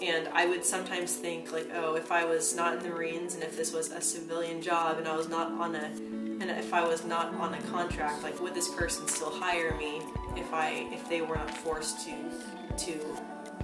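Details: Real stuttering in an adult woman who says she stutters herself.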